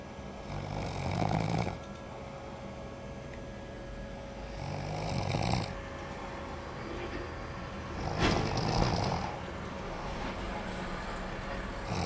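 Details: Haabnel snoring while asleep in a bedroom: three rough, rumbling snores about four seconds apart, roughly 15 breaths a minute, with steady room hum.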